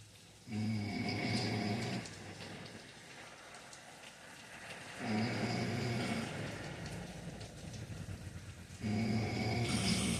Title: Don't mind my dad snoring